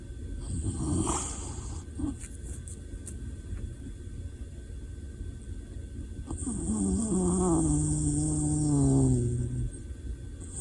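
A low rumbling breath followed by a long, buzzing, descending tone on one breath; snoring, with steady background hum.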